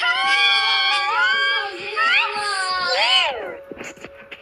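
Loud, sustained wailing cry with rising and falling pitch, fading into soft sounds at the end; an ordinary infant cry.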